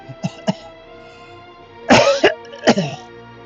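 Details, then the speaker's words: Productive cough while still coughing up crud: two light throat clears, then two harsher wet cough bursts over soft background game music. "Still coughing up a bit of crud, as you can hear. Sorry about that, folks."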